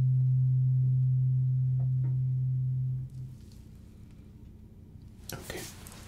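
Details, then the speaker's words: Simulated ASMR roleplay ear exam: a struck tuning fork gives a steady low pure hum that fades after about three seconds, testing one ear; tuning fork hearing test. "I am going to see whether or not you can detect when the tuning fork is no longer making a sound."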